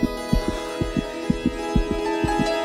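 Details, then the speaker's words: Quick, regular paired thumps about 125 per minute over soft music: a dramatized fetal heartbeat heard during a pregnancy scan in a TV drama, not a real recording. "Doctor क्या हम अभी से अपने बच्चे की धड़कन सुन सकते हैं? हां हां बिल्कुल सुनाई देगी।"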